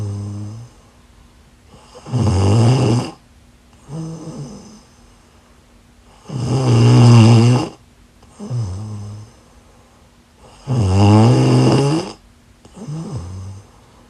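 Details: Ordinary snoring during sleep: loud, regular rattling snores on each in-breath, about 14 a minute, with quieter out-breaths between.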